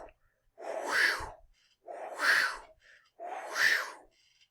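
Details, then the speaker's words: Vocal imitation of the aortic stenosis murmur, heard right after the first heart sound: three breathy whooshing sounds that swell and fade, a crescendo-decrescendo pattern. "the aortic stenosis is especially recognizable and you almost surely in the nursing program or other programs will have to identify this this is called a crescendo de cresendo sound because it goes"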